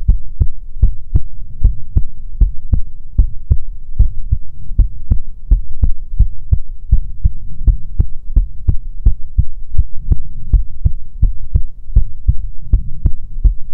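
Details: Steady, regular thumping, roughly 75 beats a minute, over a constant low hum, in an ASMR heartbeat recording meant to be soothing; heartbeat.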